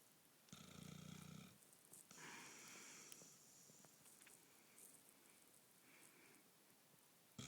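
A rough, rattling snore on a breath in, then a softer breathy exhale, heard over quiet room noise; ordinary snoring.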